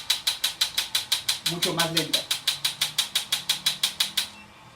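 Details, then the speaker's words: Shockwave therapy device set to six pulses per second; fast, even, sharp clicking pulses, with brief speech in the background. "entonces podría ser que yo trabajará con seis golpes por segundo y aquí pues vamos a ver que la máquina cambió"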